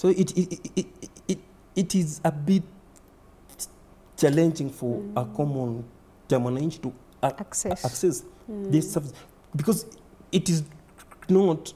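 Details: Stuttering (stammering) in a man under 30 who reports repetitions, blocks and prolongations, and adding syllables to words.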